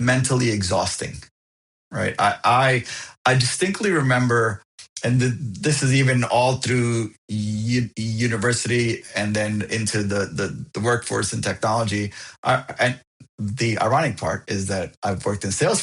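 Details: Adult man who has stuttered since he could talk, with bouncing, sliding or silent blocks, now overt, found a support group at 28; repetitions; stuttering.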